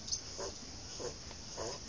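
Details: Faint, quick, regular snuffling snores from a sleeping pet over a steady hiss of room noise.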